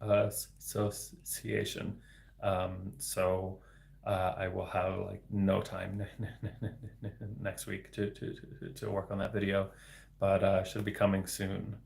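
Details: Adult man, a speech-language pathologist, with developmental stuttering including word repetitions, speaking live in a solo livestream; stuttering.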